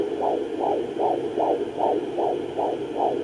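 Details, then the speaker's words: Fetal heartbeat at 16 weeks of pregnancy heard with a home fetal Doppler: rapid, regular whooshing pulses at about 150 per minute. "but yeah I've been really really enjoying this and just being able to hear the baby's heartbeat is just a such an amazing sound"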